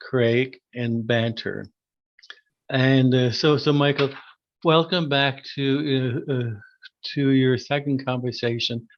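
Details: Adult who stutters, formerly severe and covert stuttering with secondary characteristics; repeated words heard; stuttering.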